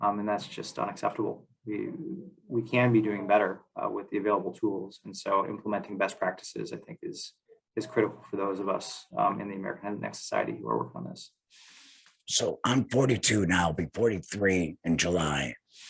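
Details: Adult male speech; normal voice.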